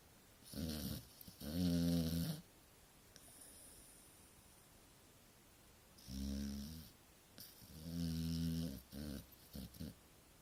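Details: Loud, rattling snores from a sleeping Staffordshire dog, several breaths with fluttering, rasping tones on the in-breath; snoring.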